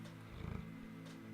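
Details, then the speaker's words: Dog snoring faintly in the background behind speech. "my dog is snoring i don't know if you can hear it in the back"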